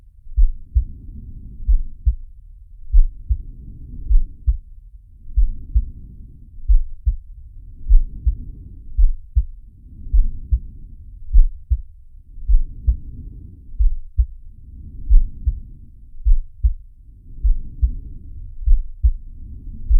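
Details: Simulated heartbeat and breathing of Sharky, an animated cartoon shark from Zig & Sharko: low thumping heartbeats under rhythmic soft whooshing breaths, roughly one breath every two and a half seconds.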